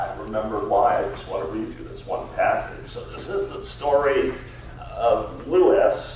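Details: Adult man with spasmodic dysphonia, a rare neurological disorder affecting only speech with no known cause or cure, treated with periodic Botox injections; spasmodic dysphonia.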